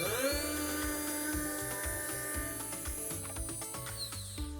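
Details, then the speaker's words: A 3.5 mm dental implant drill widening the implant hole in a model, with the water off; drills go stepwise from thin to thicker to limit heat and tissue damage: a steady high whine with rhythmic clicking and music. "조금 조금씩 넓혀 가야지 열이 좀 덜나고 조직 손상이 적어요 작은 굵기에 드릴부터 시작해서 점점점점 굵은 드릴로 넘어가는 거예요"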